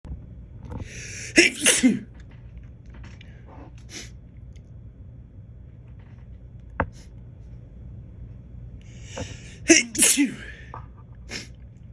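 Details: An adult who has been feeling allergic lately sneezes in two bouts, each a quick pair of explosive sneezes after noisy in-breaths, with a quiet room in between.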